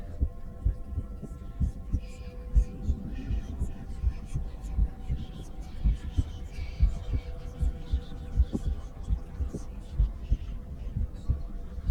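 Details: Steady, regular heartbeats at about 65 a minute from a female, recorded with a stethoscope, over a faint hum and soft whispering; normal resting rhythm.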